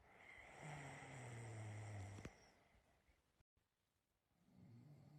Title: My snoring sounds so u can imagine Im in the room w you,n feel that i am (for Rose nd rose only)❤️xx